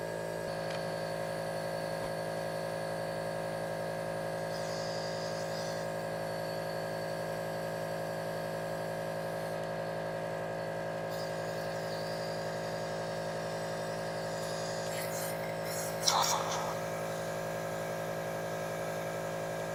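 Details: Nebulizer compressor running during an adult's asthma breathing treatment with bronchodilator and cromolyn: a steady, even motor hum throughout, with one brief clatter near the end.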